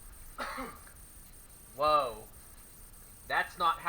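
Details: Simulated cough etiquette demonstration for workplace staff: an adult gives a few short, voiced, throat-clearing coughs, acted out as an uncovered cough before showing coughing into the arm.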